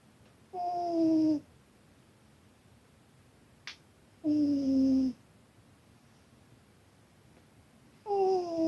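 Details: Sleeping cat snoring very loudly during a nap: three drawn-out, whistling snores with falling pitch, about 16 a minute, in a quiet room.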